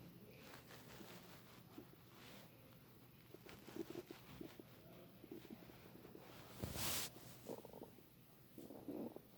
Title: Stomach rumbling